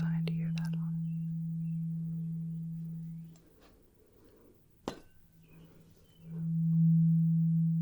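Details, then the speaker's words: Role-played ASMR hearing test of the left versus right ear, one of three tuning forks (512, 256 or 128 Hz) used: steady, pure low hum of a struck fork that fades, then swells again after a soft tap. "I am just going to have you tell me whether you hear one of the tuning Forks on the left side or the right side"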